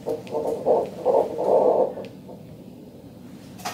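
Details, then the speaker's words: Fast, swishing galloping pulses, roughly 150 a minute, on the fetal monitor during induction of labor at 39 weeks 4 days with a baby boy; an ordinary fetal heartbeat, likened to a coffee maker brewing. "like a coffee maker Brewing name him Folgers Maxwell"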